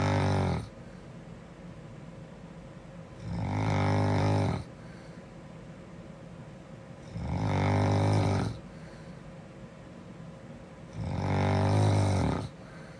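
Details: Sleeping girl snoring: loud, regular rattling snores on each breath in, about 16 a minute, with quiet breathing out between them.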